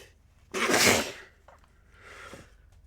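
A single loud, explosive sneeze burst, followed by a softer breath sound.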